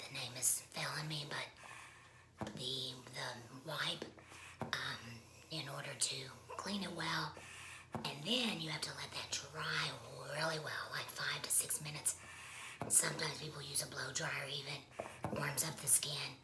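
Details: Woman who has had a laryngectomy, speaking with alaryngeal voice, voice method not stated; alaryngeal speech after laryngectomy.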